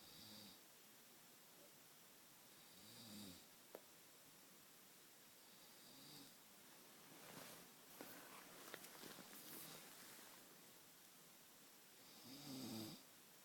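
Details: Snoring captured on recording: soft, rhythmic, rasping snores about every three seconds in a quiet room, with some rustling between them.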